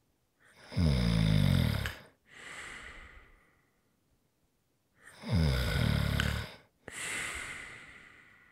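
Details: Two snore cycles, each a buzzing, vibrating in-breath followed by a softer breathy out-breath; ordinary snoring recorded as ASMR relaxation sounds.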